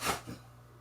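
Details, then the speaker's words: A dog sneezing in the background while a person speaks; sneeze. "you can hear my dog Kono sneezing in the background. Sorry about that."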